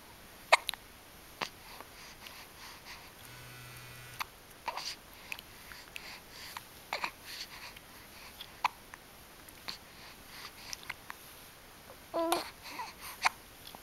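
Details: Infant girl with hiccups: short, sharp hiccups at irregular intervals with small baby vocal sounds over quiet room noise, in a clip that also shows her sneezing, smiling and growling.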